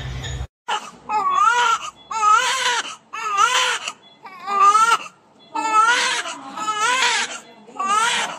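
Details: Vigorous cry of a newborn weighing about 3080 g, the mother's second baby, just after delivery; strong, rhythmic crying in repeated bursts about once a second with brief breaths between.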